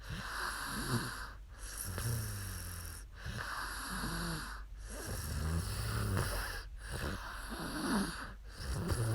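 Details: Young woman asleep during a livestream, snoring with repeated rough, rumbling snores on each breath in, roughly every 1.5 seconds, over steady background noise.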